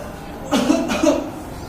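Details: Demonstration cough while teaching cough etiquette to prevent COVID-19 spread.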